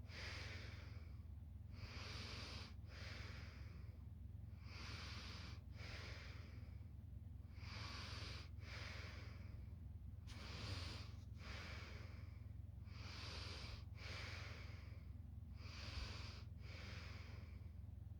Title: Analog Orange quiet snore... 💤